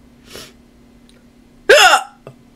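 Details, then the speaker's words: Person with bad hiccups after eating a raw slice of jalapeno pepper: a soft catch, then a loud, abrupt voiced hiccup with a brief squeaky tone and a small click after. "i ate a raw slice of jalapeno pepper and um this is what happens to me so it kind of to me sounds like an alligator a baby alligator getting strangled"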